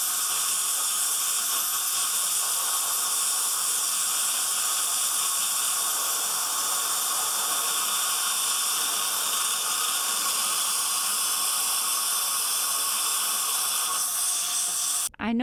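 A steady, loud, high-pitched hiss with spraying water continues throughout. This is an ultrasonic scaler removing plaque, tartar and stain during a dental cleaning.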